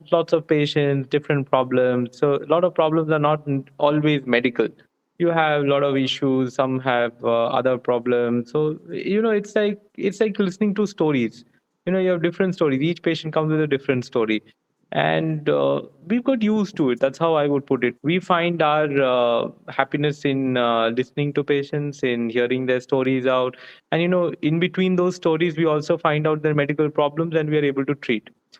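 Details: Adult male speaker; no speech disorder.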